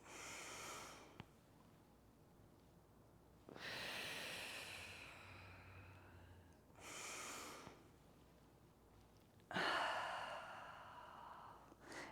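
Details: Two slow, full inhale-exhale cycles with airy, rushing breath sounds and quiet pauses between, about ten breaths a minute, during an exercise class: deliberate deep breathing.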